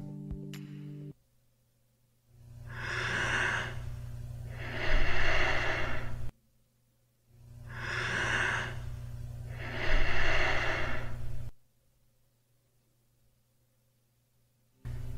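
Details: Bradypnea.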